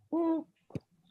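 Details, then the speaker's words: Stridor imitated by a pediatric clinician to show it is an inspiratory sound: one brief, high-pitched, musical crowing sound on a breath in, followed by a short soft burst. "so I will show you the different sound so Strider is nothing but inspiratory so it's like this"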